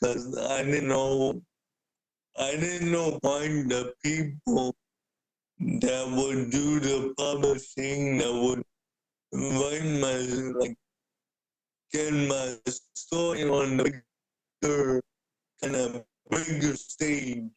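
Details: Dysarthria in an adult man with cerebral palsy since birth who uses a wheelchair; speaking is noted to be hard for him.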